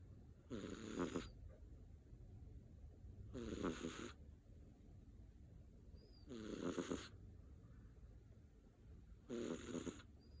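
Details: British Shorthair kitten (male) snoring after vigorous play: four rhythmic rattling breaths, about 21 a minute, each with a soft purring flutter, over quiet room noise.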